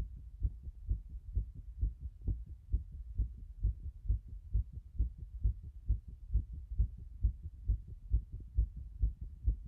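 Fast, regular, deep heartbeats at about 130 a minute; a rapid heart rate.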